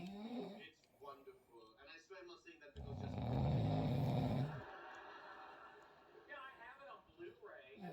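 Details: Adult woman's snoring, said to sound like a diesel engine: brief, loud, low rattling snore between bursts of talk in a small room.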